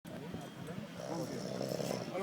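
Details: Snoring: a steady, low, rattling rumble of snoring from a sleeping man, with faint outdoor noise behind.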